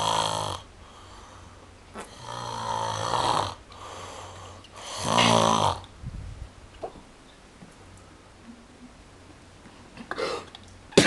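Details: Repeated harsh, rattling snores every couple of seconds, fading near the end, in a quiet room; snoring.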